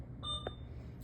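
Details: A single short electronic beep in a quiet room, a PCA infusion pump keypad tone on exiting a screen after documenting the cleared total in a demonstration.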